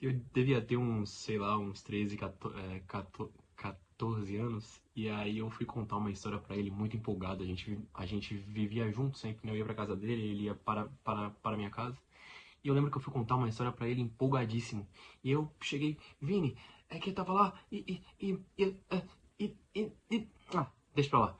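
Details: Adult man who lives with stuttering every day; stuttering.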